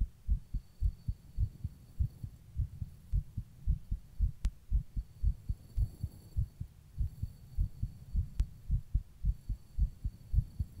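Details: Deep, steady thumping heartbeat at roughly 110 beats a minute, somewhat fast, with a low hum underneath, recorded while rebreathing into a plastic bag; heartbeat.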